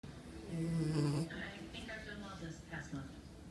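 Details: Loud, low rattling snore from a sleeping pet dog, followed by quieter snuffling breaths.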